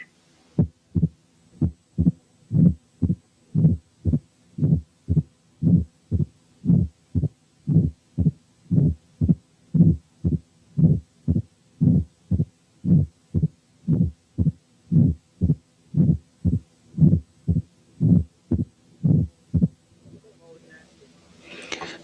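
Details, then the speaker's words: Mitral stenosis presenting only as a presystolic murmur: supine, only first and second sounds with opening snap; on turning to left side a short low rumble appears before the first sound; heartbeat near 58 a minute. "ساعات الماترال ستينوزيس بيبريزنت ببري سيستوليك مارمر بس زي المثال اللي جاي، وهنا برضو الأول والمريض نايم على ظهره مسموع بس الفيرست والسكند هارت ساوندز ومعاهم اوبننج سناب، ولما ينام على الجنب الشمال البري سيستوليك مامر تظهر."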